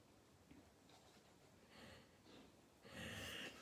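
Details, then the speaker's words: Snoring from a dog sleeping in a quiet room during a yoga class: a few soft breathy, snorting breaths, the last longer and louder. "That is not me snoring, that is Bertie. Okay, if you can hear snoring, it is the dog."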